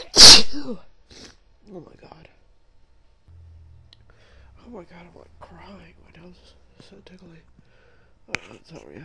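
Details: One loud, explosive sneeze from a woman during a sneezing fit with buildups, followed by quiet sniffing, soft breathing and murmuring.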